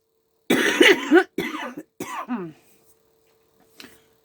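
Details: Run of three harsh coughs in quick succession then a faint fourth from an adult speaker, repeated coughing while talking; cough.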